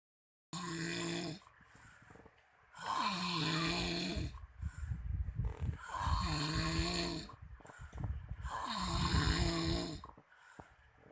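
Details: Man caught by his wife snoring really loud in sleep: loud, deep, rattling snores with every breath, about three in ten seconds, with soft snorting between; heavy snoring.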